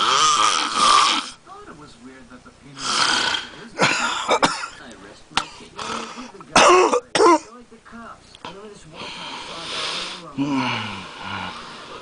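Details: Big man asleep on a couch within ten minutes: loud, rough, irregular snorts and rattling breaths, with some background talk; very loud heavy snoring. Snoring.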